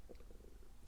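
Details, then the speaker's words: Adult's stomach rumbling (borborygmi) from hunger after not eating, loud enough to be heard over speech: brief, low, bubbling gurgles lasting under a second. "Alors, ça gargouille tellement que même si je parle fort, je crois que vous allez entendre que ça gargouille."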